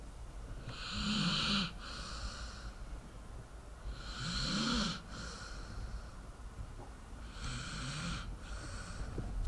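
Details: Sleeping dog, slow regular snoring with a rattling snore on each breath, about three breaths in ten seconds; snoring.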